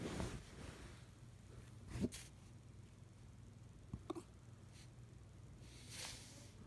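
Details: Rat Terrier with hiccups: brief, sharp jerky sounds recurring every couple of seconds over a quiet, noisy background.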